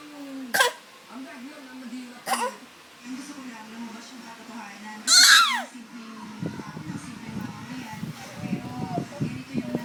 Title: coughing baby